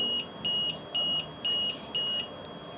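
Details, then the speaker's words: Ventilator high pressure alarm for a child with a tracheostomy: repeating high-pitched beeps, about two a second, which may sound when the trach tube is partially or completely plugged. "if your child is on a ventilator a high pressure alarm may sound"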